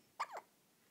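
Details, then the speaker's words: A baby with recurring hiccups: a single short, squeaky, high-pitched hic with a quick rise and fall over a quiet room; sounds like a squeaky toy. "you see a you have the hiccups huh"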